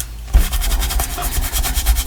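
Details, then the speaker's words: While making a fabric book cover, the crafter's stomach growls: a low, rumbling gurgle under rhythmic rubbing and scratching sounds. Stomach growling (borborygmi). "Oh, can you hear my stomach growling? Sorry about that."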